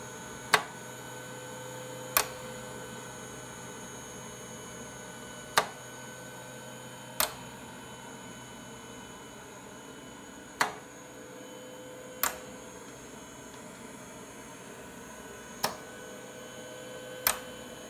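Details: Mechanical ventilator (VentaMAX) running: steady machine hum with paired sharp clicks about every five seconds as it cycles breaths.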